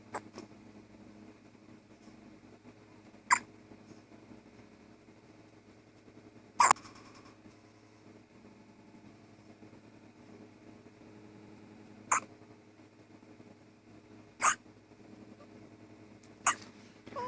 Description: Baby hiccups just days old